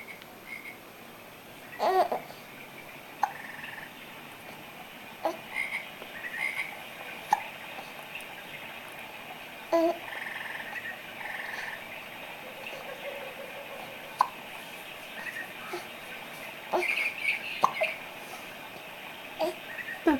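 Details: Infant during tummy time with hiccups: brief, sharp hiccup sounds, about nine in twenty seconds, over quiet room noise.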